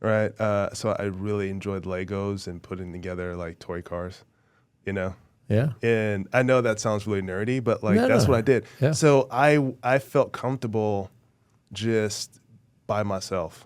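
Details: Adult male former professional football player with a stutter since childhood, described as really bad growing up, always worked on and still present now, with a struggle communicating verbally; stuttering.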